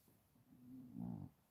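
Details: A low, rumbling, drawn-out breath noise from the owner's resting dog lying beside him, a single snore.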